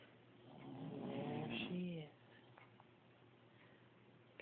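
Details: Child snoring asleep in bed after falling asleep watching a movie: one long, low, fluttering snore on a breath of about a second and a half, then quiet room noise.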